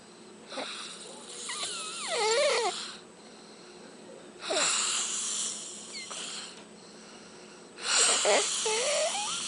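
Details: Three loud, harsh snoring breaths with whistling, squeaky tones about every three to four seconds in a quiet room; snoring during sleep.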